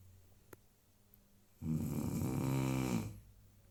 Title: Dog snoring